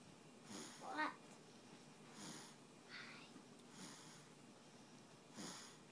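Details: Soft, airy snuffling snores with a brief whistling note, recurring every second or two in a quiet room; snoring.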